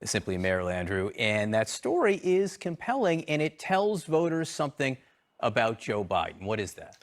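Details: Adult male speaker; normal speech.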